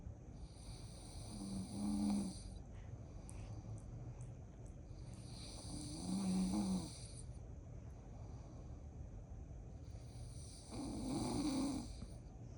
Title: Dad's Snores Keep Newborn Awake 🤣 (🎥: ViralHog)